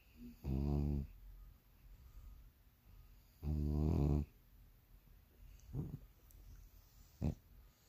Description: Morning rituals.. sleep and snore. Bulldog days